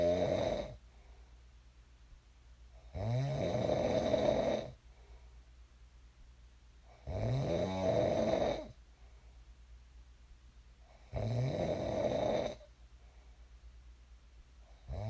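Regular deep, rumbling snores about 15 a minute, each lasting one to two seconds, with quiet pauses between. Steady sleep snoring.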